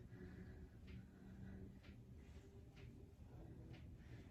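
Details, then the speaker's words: Instructor doing a Pilates bicycling-legs exercise: faint sharp clicks about once a second with each leg cycle, painless knee crepitus (knee popping). "Sorry if you can hear my knee popping away over here. It doesn't hurt, so I'm going with it."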